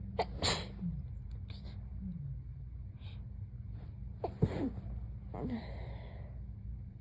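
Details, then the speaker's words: Several soft, drowsy sneezes with short catching in-breaths between, just after being woken from a nap, lying on a pillow, over a steady low room hum. "I have a paper towel on my pillow in case I fall asleep again, just so that nobody thinks that I'm sneezing directly into my pillow, because that would be unpleasant."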